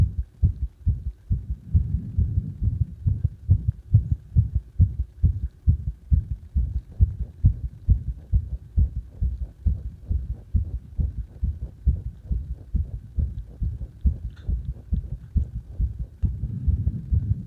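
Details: Rapid heartbeat of the recording person during CPR: fast, steady low thumps at about 136 a minute.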